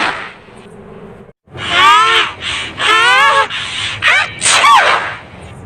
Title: chiko sneeze effects kinemaster